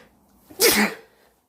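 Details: Single sharp sneeze: a brief breath in followed by a loud explosive burst, in a quiet room.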